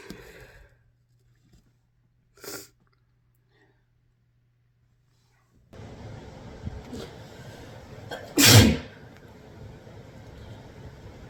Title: compilation of induced and natural sneezes